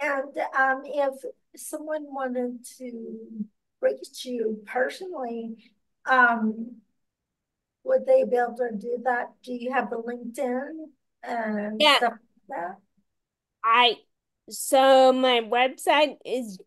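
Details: Ataxic dysarthria in an adult with ataxia who reports speech difficulty and a lot of self-directed practice on pronouncing words.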